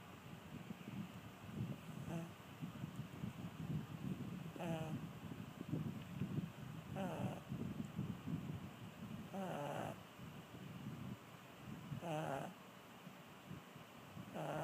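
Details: Brussels Griffon dog snoring: rhythmic low rattling snores about every two and a half seconds, some with a squeaky whistling edge; snoring.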